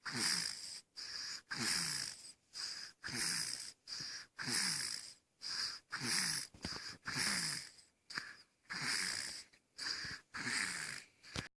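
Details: Loud, rasping, whistly breaths with a hissing high edge, about one every one and a half seconds; noisy snoring during sleep.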